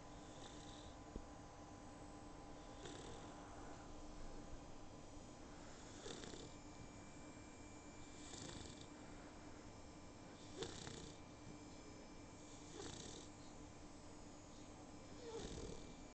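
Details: Sleeping female puppy, very tired after her first bath, recorded on an iPhone: soft, regular snoring breaths roughly every two to three seconds over steady room hum.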